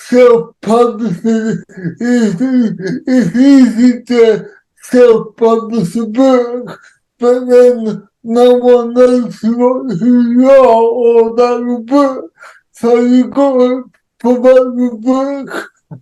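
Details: Dysarthria in an adult man with cerebral palsy, who says there are some words he cannot say.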